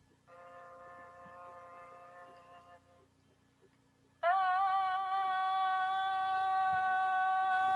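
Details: Speakers with no vocal fold pathology, recorded as comparison for vocal fold polyps and nodules; normal voice.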